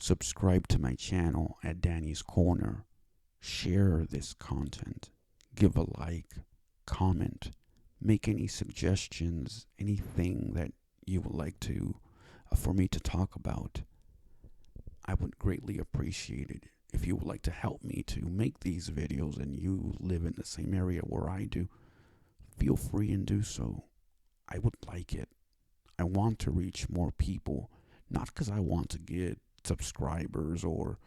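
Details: Adult male with cerebral palsy that he says affects his speech and causes his stuttering, after five years of speech therapy; dysfluent speech (stuttering) in cerebral palsy.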